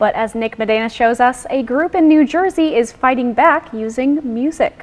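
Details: Adult woman, news anchor; Normal speech.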